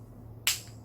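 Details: Knee crepitus: a single sharp crack against a low steady hum, a knee joint popping on bending, as when squatting or sitting down and standing up.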